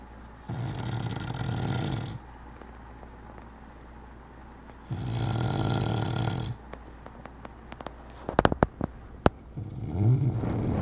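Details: Adult man sleeping: two long, low rumbling snores on inhalation with quiet pauses between and a few clicks near the end; ordinary snoring.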